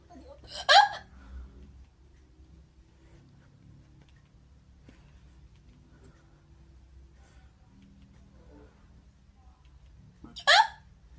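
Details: Two sharp, abrupt gulping hiccups about ten seconds apart in a quiet room; typical hiccups.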